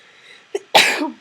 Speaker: sneeze at least I warned you so if you had earphones on hopefully you didn't go deaf from my sneeze